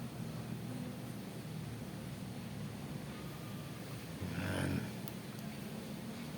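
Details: Omron HEM-8112 blood pressure monitor with E1 error, cuff on arm: steady low pump hum inflating cuff, then power drops out mid-measurement, suspected battery power failure.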